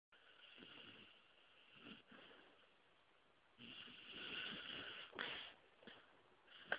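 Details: Snoring from a small pet sleeping on its owner, also twitching: soft, whistly, slightly irregular snoring breaths with faint snorty nasal noise in a quiet room.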